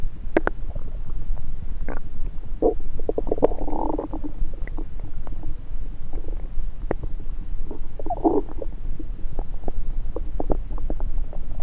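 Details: Stethoscope placed on multiple parts of the belly: scattered gurgles and short squeaky bubbling sounds, normal active bowel sounds.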